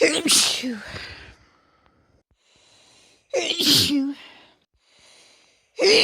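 Three sharp, forceful sneezes with brief inhaled gasps before them; ordinary sneezing.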